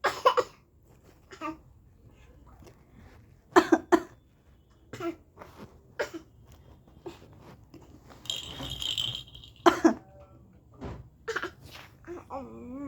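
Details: A 9-month-old infant playfully imitates an adult's cough with short cough bursts and small vocal sounds in between.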